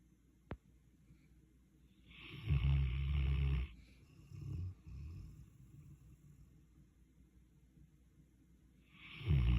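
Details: Sleeping dog snoring: low, rough rattling breath sounds in a quiet room, one loud snore followed by softer ones.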